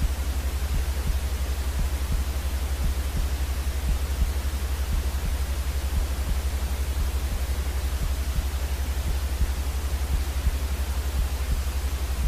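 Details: Heartbeat-like soothing sound for colicky, crying infants: soft, regular, low thumps about 85 a minute under a steady white-noise hiss.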